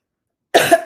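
A single short, harsh cough from an adult after about half a second of silence.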